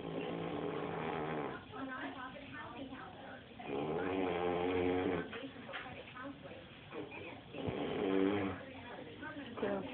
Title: Old man snoring